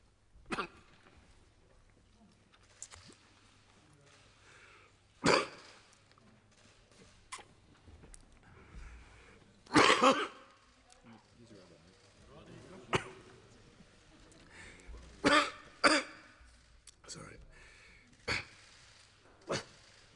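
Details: Repeated short, harsh adult coughs and throat clearing during a pause in a speech; the Australian government minister was later tested for coronavirus after the coughing fit.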